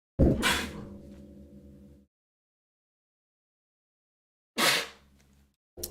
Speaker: sorry I sneezed there I hope you guys didn't hear that